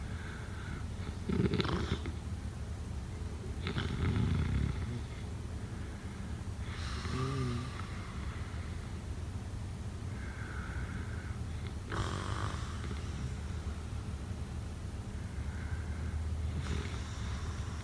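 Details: Snoring during sleep: repeated rough, low rattling breaths about every five seconds, over steady background hiss.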